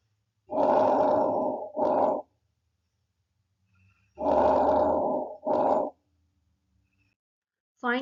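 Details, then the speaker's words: Normal vesicular breath sounds: two quiet cycles of soft, gentle rustling, inhalation longer and louder than exhalation, heard throughout lung fields, indicating unobstructed airflow in airways and alveoli. "it is characterized by Soft gentle rustling sounds during inhalation which is slightly longer and louder than exhalation these sounds occur throughout the lung field and indicate unobstructed airflow in the Airways and alveoli"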